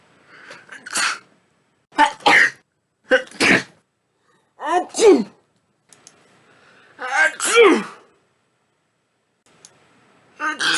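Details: Run of repeated sneezes, about six in quick succession, each a sharp explosive burst, some with a short inhaled lead-in; part of a series of 50+ sneezes in a row.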